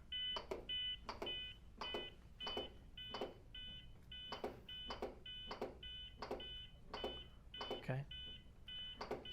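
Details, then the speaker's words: Zoll X Series Advanced CPR metronome during manual CPR training, set at 105 compressions per minute: steady beeps with compression thumps falling slightly behind the beat. "the beeping that you hear is set at 105 compressions per minute you'll only hear that when you're doing manual CPR so every time he hears a beep he should do a compression"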